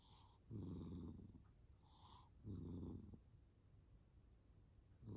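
Soft rattling snores with each in-breath, about 25 breaths a minute, over faint room noise.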